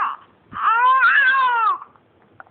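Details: Infant during mat play time: a brief, drawn-out fussy wail about one second long, in a quiet room; infant cry.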